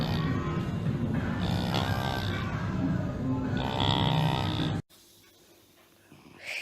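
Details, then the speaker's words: Loud, low, rumbling grunting snores through several breaths from a sleeping mother, then abrupt quiet; heavy snoring. "This is what my mom sounds like when she's sleeping."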